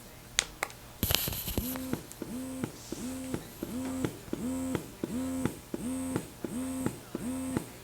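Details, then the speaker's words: BabyBuddha portable breast pump in stimulation mode: rapid rhythmic motor pulses about 86 a minute with buzzing, four gentler sucks then a fifth strong pull, a little uncomfortable and powerful even on level 1. "The pump in the stimulation phase does 4 gentler sucks and then a 5th pretty strong pull. Even on level 1, this setting is a little uncomfortable and pretty powerful."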